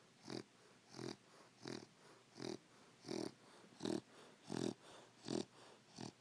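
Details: Dog snoring in rapid, regular snorting bursts, about 85 a minute, with softer breath sounds between them in a quiet room; snoring.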